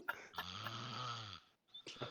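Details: Snoring during sleep: one long, low, rattling breath sound with a whistling edge, then a pause.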